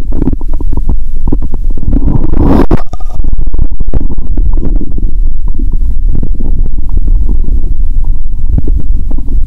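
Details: Stethoscope on the abdomen, pressed firmly then lightly (said to sound better); watery sounds, audible even near the heart: loud continuous low gurgling and rumbling with a brief hiss; active bowel sounds (borborygmi).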